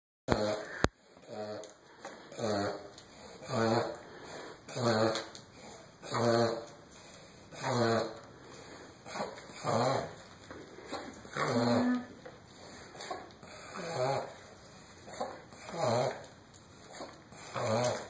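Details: Dog (Chloe) with a severe, terrible cough and labored breathing: loud, rhythmic, rasping breaths about 40 a minute, struggling to catch her breath between coughing efforts.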